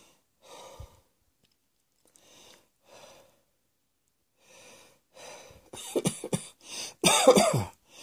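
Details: A few soft breathy exhalations, then a run of about six forceful coughs in quick succession; cough.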